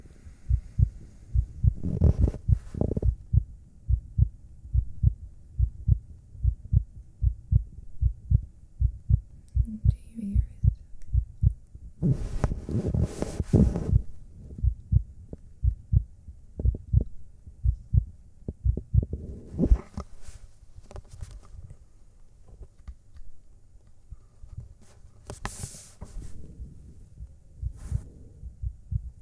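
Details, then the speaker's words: Steady, fairly quick low thumping of a normal heartbeat heard close to the chest, with occasional rustling bursts, presented as an ASMR trigger. "oh You' like to hear my heartbeat all right that sounds like fun so here you [Music] go"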